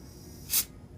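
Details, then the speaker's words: Adec Century Plus dental delivery unit after replacing the cartridge air bleed valve: a brief, soft hiss, the normal small constant bleed-air leak from the control block. "so just know that if you're troubleshooting these units and you hear a little leak from the control block that's not necessarily a problem because it should be leaking a little bit"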